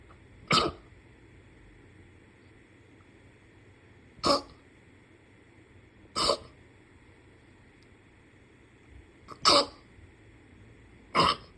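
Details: Five short, sharp throat-clearing bursts spaced a few seconds apart over a steady low hum; throat clearing.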